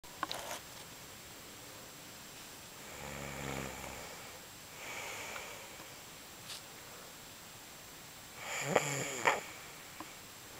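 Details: Man snoring: soft rumbling snores on inhalation with a few snorting breaths in a quiet room; ordinary snoring.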